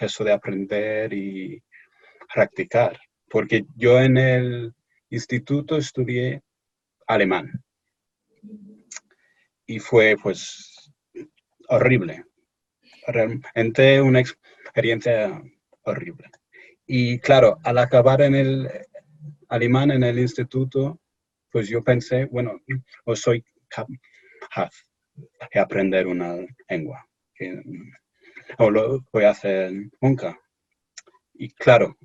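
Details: Stuttering in an adult male from England speaking Spanish as a second language in an interview; he reports anxiety and pressure when speaking.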